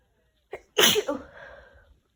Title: Messy Cold Sneezes (f)